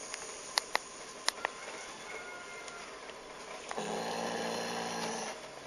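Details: Snoring during sleep: a few sharp clicks in a quiet room, then a low, rumbling, buzzing snore breath lasting a couple of seconds.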